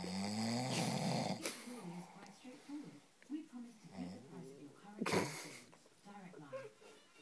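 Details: Adult husband asleep by the fire, snoring: rough, rattling snores with voiced, groaning sounds in a small room.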